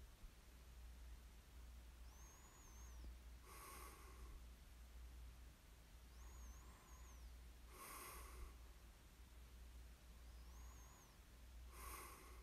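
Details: Light snoring in ASMR sleep recording: soft snorting breaths about every four seconds, each preceded by a faint whistling inhale, over a steady low hum.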